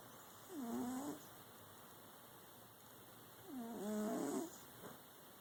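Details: Cat snoring during a nap: two soft, whistling, slightly nasal snores with quiet gaps between them.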